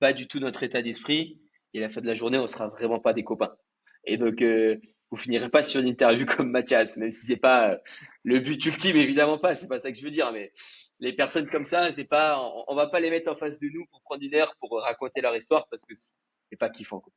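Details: Adult man speaking French; normal speech.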